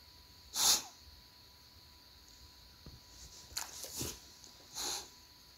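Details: Dog after a coughing fit gives two sharp sneezes with a cluster of short snorts between them, over a faint steady hum.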